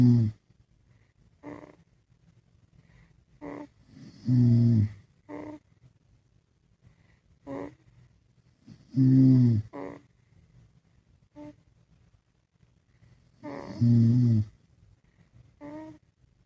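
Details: Dad sleeping alongside his baby; low, rumbling snores repeating irregularly with softer snuffles between, in a quiet room; ordinary sleep snoring.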